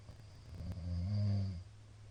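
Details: Sleeping middle-aged man, recorded 2022-04-17; one loud, deep, rumbling inspiratory snore over a quiet background hum; snoring.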